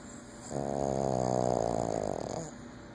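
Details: Sleeping Boston terrier snoring, owner says loud enough to sometimes wake herself: a single long, buzzing, rattling snore with quiet room noise around it.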